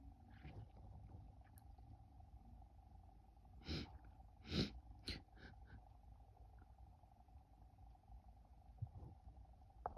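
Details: Female: two quick, quiet sneezes close together over a low steady hum; sneezing.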